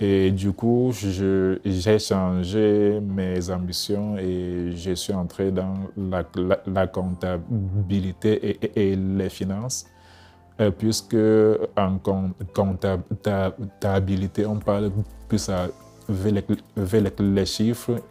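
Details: Adult male speaker; stuttering.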